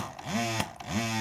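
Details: Avent double electric breast pump tested after a repair for lost suction on one side: motor hums steadily with a rising whine repeating about every half second, the regular suction cycle running.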